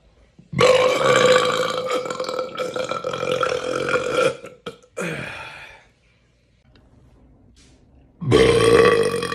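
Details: Burping sequence: two long, loud, voiced belches separated by a quieter gap, with a third starting at the end; ordinary eructation.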